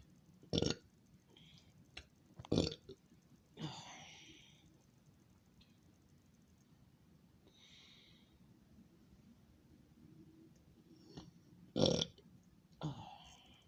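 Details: Early-morning vlog of an adult woman who is smoking and drinking Dr Pepper, recently took Sudafed for allergy and sinus symptoms: several short, low burps with quiet breaths between in a quiet room; ordinary belching (eructation).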